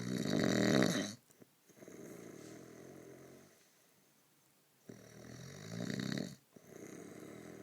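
Deep, rattling snores on breathing in, with softer noisy breaths out, in a slow repeating cycle.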